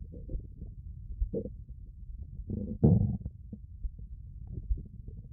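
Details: Stomach growling (borborygmi), recorded with a 3Dio binaural microphone.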